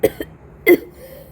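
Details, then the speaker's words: Severe cough from a person who reports having a severe cough. "But I'm But I got some severe cough. So I'll see you later."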